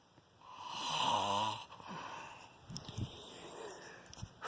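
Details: Snoring during sleep at 4:40 am on the second night of recording: one long, loud, buzzing snore on an in-breath, then quieter breathing and faint room sounds. Described as shocking snoring.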